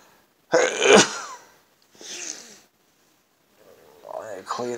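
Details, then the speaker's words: Late-night sneezing fit around 1 a.m., an evening ritual; sneezes said to be quieter at night from tiredness, occasionally in multiples. A sudden explosive sneeze followed by breathy sounds and a brief vocal noise. "my god the nighttime ones aren't as loud because I'm kind of tired"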